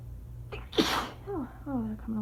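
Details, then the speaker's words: A single sharp, explosive sneeze after a quick intake of breath, then groaning; part of a sneezing fit after shower water was accidentally sprayed up the nose and burned. "All this from a little bit of shower spray, I swear."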